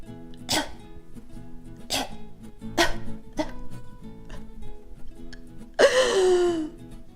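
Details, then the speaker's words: Weak cough in a person with spinal cord injury who cannot use the muscles below the lesion, including the abdominal wall: four or five short, soft cough bursts and a longer squeaky exhalation. "quand tu tousses j'utilise des abdominaux et toute ta sangle abdominale finalement pour vraiment bien tous et donc tu as compris donc voilà ceci explique cela je sais que tu meurs d'envié de te fous de ma gueule mais je vais quand même te faire écouter comment moi je tousse"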